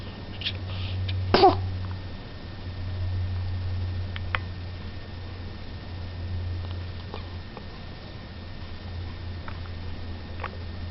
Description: The little guy sneezes and then has some hiccups.